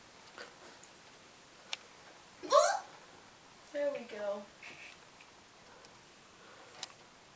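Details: Youngest sister's recurring hiccups: sudden voiced gulping sounds with a rising squeak, then a brief vocal sound, in a quiet room; happens every time now; hiccups.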